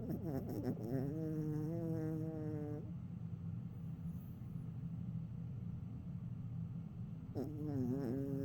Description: Yorkie Pup in deep REM sleep snoring with eyes twitching and dreaming